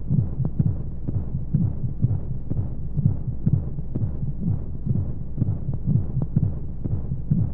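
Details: Womb sound played as a baby sleep aid: steady rhythmic low heartbeat thumps, about 125 a minute, under a constant soft white-noise hiss; heartbeat.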